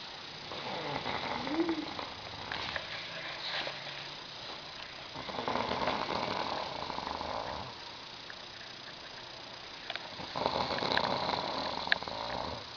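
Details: Three long, rough, fluttering inhaled snores with quiet pauses between, from a sleeping male who claims he doesn't snore.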